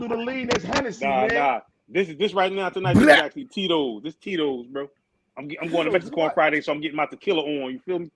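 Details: Adult man speaking; normal voice.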